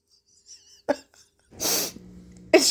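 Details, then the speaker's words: Sneeze with a mouthful of egg salad sandwich during lunch: a sharp, explosive burst of air through nose and mouth followed by a second burst, with food expelled through the nose. "Egg sound sandwich. Got a mouthful. Got to sneeze."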